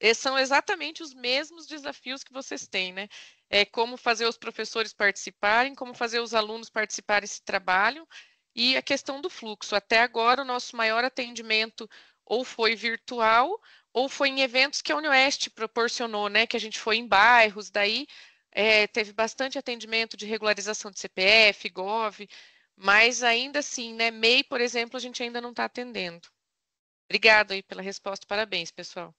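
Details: Adult speaker in an online meeting; typical voice.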